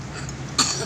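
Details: A child eating grilled chocolate-cheese pisang epe banana coughs while eating: one short, sharp cough against low room noise.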